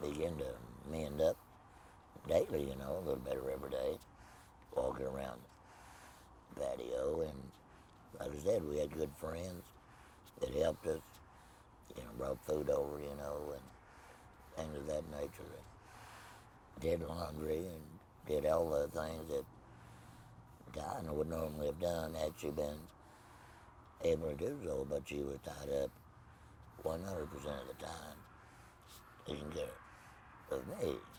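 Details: Tracheoesophageal speech in an adult man after laryngectomy for laryngeal cancer with no voice box, speaking with a Provox voice prosthesis.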